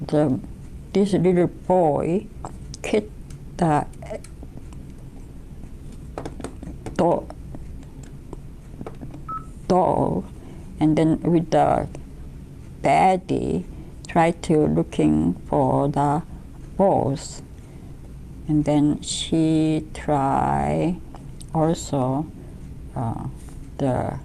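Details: Wernicke's-type aphasia after a stroke in a woman describing a picture from an aphasia test, with word-finding difficulty and often hard-to-understand speech.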